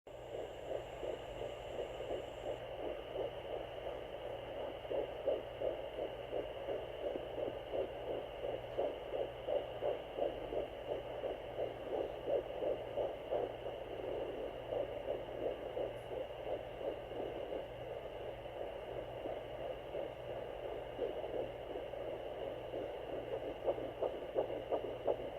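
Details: Rapid, regular whooshing pulses of a fetal heartbeat at 11 weeks + 1 day of pregnancy on a Sonoline B fetal Doppler, about 170 beats a minute, over steady static; the parent wonders if it is possibly a girl.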